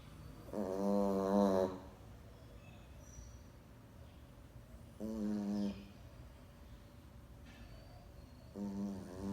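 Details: Sleeping pet Boston dog snoring: repeated buzzing, tonal snores on each breath, about 14 a minute.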